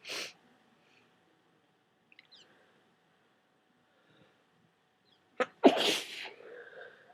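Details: Person with a cold who took a strong decongestant: two forceful, wet sneezes, one brief at the start and a strong one near the end, with quiet breathing between.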